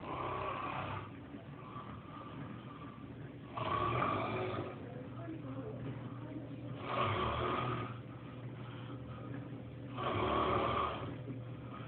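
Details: Real snoring from a man with years of sleepwalking, recorded on a phone while he sleepwalks and dances: four rough snores at about 18 breaths a minute over a steady low hum.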